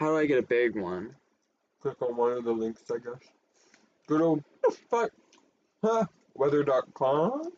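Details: Adult speaker; Vocal tics (Tourette syndrome).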